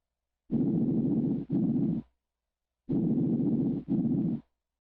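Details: Two soft, even breaths with steady inward and outward rushing, auscultated with a stethoscope over the posterior chest (back); normal vesicular breath sounds.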